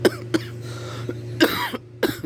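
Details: Adult two weeks ill, hoarse throat, runny nose and fever now gone, with a lingering cough worse at night during sleep: four or five short, harsh cough bursts in quick succession over low hum; persistent cough.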